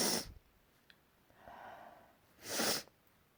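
Two sharp bursts of air with a soft breath between them, fitting sneezes.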